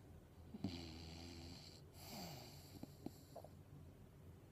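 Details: English Bulldog sleeping and snoring: soft rumbling snore with a snort at the start, then quieter wheezy breaths and small clicks; snoring.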